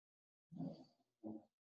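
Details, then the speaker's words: Venus, a pet, snoring during a live session: two low, rough, rumbling breath sounds about a second apart; snoring. "Venus is snoring I don't know if you guys hear that"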